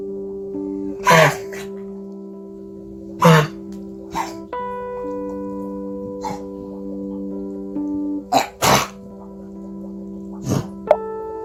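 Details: Reverse sneezing in a Labrador retriever with two years of episodes, tagged as linked to bronchial stenosis: repeated harsh, goose-like snorting honks over background music.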